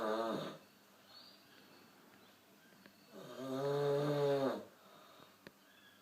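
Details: Person snoring: two loud, droning, buzzy breaths about three seconds apart with quiet between.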